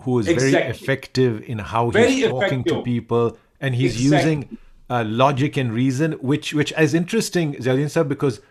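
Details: Adult male; normal speech.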